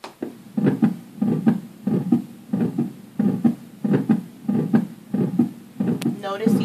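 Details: Simulated heart sounds at about 88 beats per minute on a thorax simulator, aortic region, with a soft blowing aortic regurgitation murmur, heard best in the aortic region.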